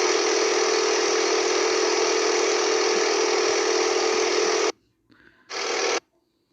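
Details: Running nebulizer compressor, a sound the recorder falls asleep to: a steady, loud mechanical buzzing hum that cuts off briefly before a short final burst of the same motor noise.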